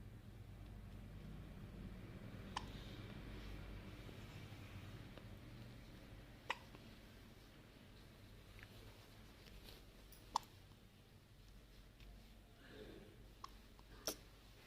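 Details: Baby (tagged newborn) with hiccups: four faint, sharp hiccup clicks about every four seconds, roughly fifteen a minute, in a quiet room.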